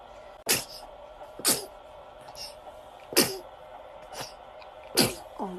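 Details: Infant sneezes four times in quick succession when the morning light is too bright, small sharp bursts with faint breathy sounds between; sneezing.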